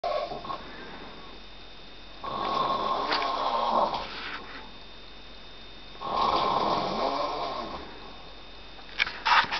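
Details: Man snoring while asleep on a sofa in the dark: loud, rasping snores on each breath in, about one every four seconds, with quiet between; heavy snoring.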